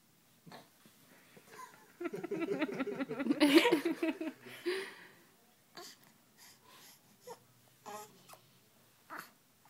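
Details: Infant who dislikes sneezing fusses and whimpers, with a sharp sneeze burst in the middle, then quieter breathy sounds in a small room; sneeze.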